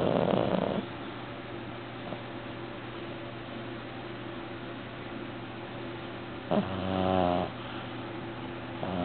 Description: My Devon Rex, Arnie, snores when he sleeps...loudly. With his eyes open (creepy).